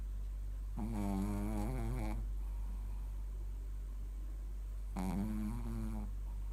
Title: Mylly snores shih tzu シーズー